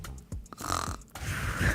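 Short rattling, throaty snorts from an adult imitating snoring, with faint music in the background; an acted snore, not real sleep.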